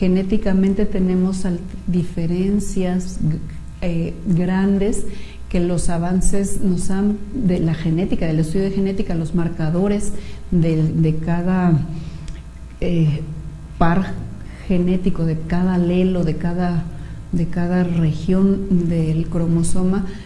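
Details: Patient treated since early childhood for cleft lip and palate, reading a text aloud; clinician reports no nasal voice at all: normal resonance after cleft lip and palate repair.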